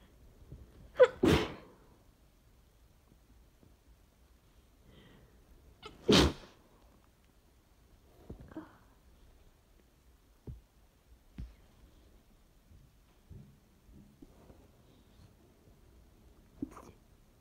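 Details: Person with severe hayfever, or possibly a cold, sneezing into tissues; two strong sneezes, then several small muffled, deliberately held-back sneezes in rapid quiet multiples: stifled sneezes.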